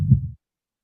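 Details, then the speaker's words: Heart sound from an AI-powered patient simulator manikin (simulated), heard via stethoscope during auscultation training: a single deep, soft thump like one heartbeat; heart sounds. "So let's say I want to check the heartbeat. So you will be able to hear the sound sounds on your scenario as"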